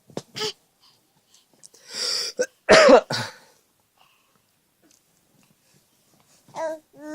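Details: Young child imitating their father's cough while the father is sick: a few short cough-like bursts and throat clearing mixed with babbling, an imitated rather than a real cough.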